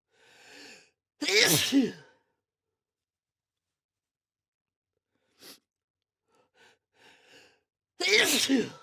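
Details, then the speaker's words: Two forceful sneezes, each preceded by a sharp inward breath, with breathy sounds between; sneezing. "That will most definitely leave me randomly sneezing throughout the next few days."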